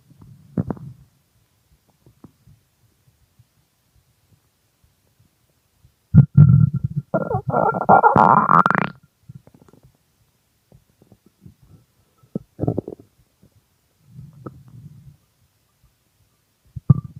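Loud gurgling and long groaning rumbles with quiet gaps, typical stomach growling from hunger; normal bowel sounds.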